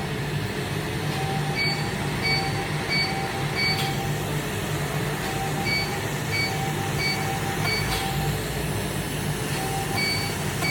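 Repeated short electronic beeps over a steady low hum of device cooling or fan noise: a laser hair removal device firing pulses.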